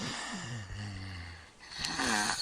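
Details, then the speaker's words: Sleeping infant who snores and mouth-breathes without congestion, holding his breath: snoring groan fades to a silent pause, then a sharp gasping snort as he rouses after obstructive apnea. "shakes his kind of woke himself up okay now let's listen again quiet a few seconds he'll probably hold his breath again"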